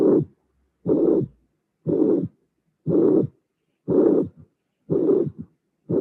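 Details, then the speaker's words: Teaching recording at about 60 beats a minute: four beats with first and second sounds only, then a mitral regurgitation murmur appears, then a third heart sound is added at the end. "so in this case I didn't mention before we have uh a third sound appearing at the end"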